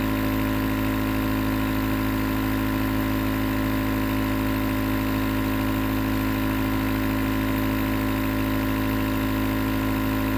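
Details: Nebulizer compressor running as white noise for sleep: steady continuous mechanical hum and hiss, unchanging throughout; nebulizer running.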